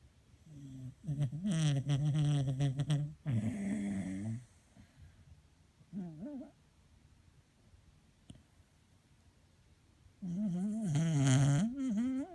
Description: Each morning she comes in to our bed to say hello then falls asleep and has a snore.